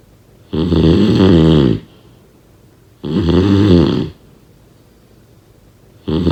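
Loud, rough, rumbling snores on each breath in, with quiet pauses between, about one snore every two and a half seconds.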